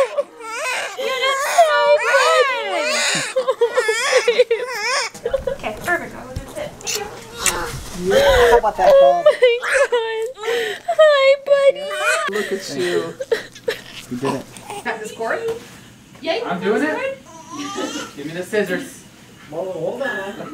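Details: Newborn baby boy, a second child, crying just after hospital delivery: repeated high-pitched wailing cries with short gasping breaths between them, adult voices and room noise; newborn cry.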